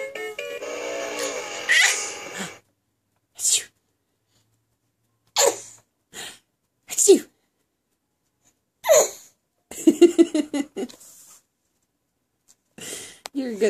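Several short sharp bursts of breath separated by silence, after brief music at the start: a baby's imitated, deliberate sneezes.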